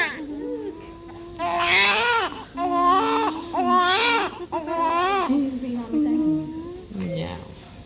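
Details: Loud, rhythmic wailing cries, about one a second, from a newborn just after caesarean birth in Ireland. A healthy normal first cry.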